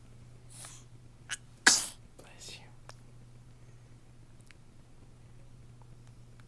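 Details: Sneeze recorded on day one: one sharp, sudden sneeze against quiet room hum, with a few soft breathy sounds before and after.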